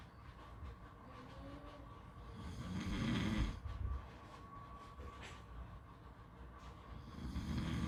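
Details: Snoring during sleep: low, rough breathing noises swelling twice over a steady background hiss and a faint hum.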